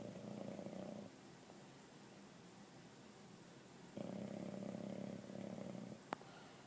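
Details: Two-year-old English bulldog sleeping on a couch, snoring heavily: two long, loud, buzzing, fluttering breaths separated by a quiet pause.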